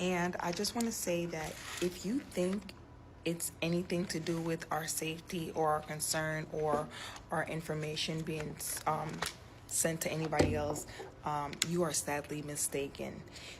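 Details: Adult woman speaking; ordinary speech.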